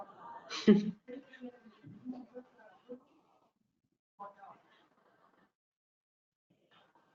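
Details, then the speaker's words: Laryngectomy patient after laryngeal cancer, using an electrolarynx held under the chin whose vibration becomes voice. Short phrases in a flat, buzzy, mechanical voice with unchanging pitch, hard to understand: electrolarynx speech. "este aparato vibra y esa vibración se transforma en voz y aquí tengo un vídeo para que veáis también un ejemplo de cómo suena este tipo de voz"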